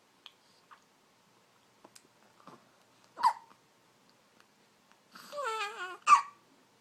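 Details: Preterm infant girl, 2½ months old (1 week corrected age), hiccuping: a few soft, abrupt catches of breath, then brief babbling, in a quiet room.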